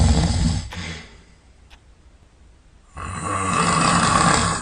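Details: Sleeper sound asleep and snoring all night: loud, rough, rumbling snores separated by a short quiet pause; snoring.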